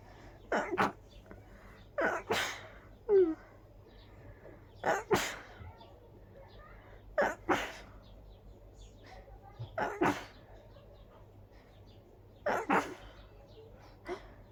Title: Desperate big sneezing fit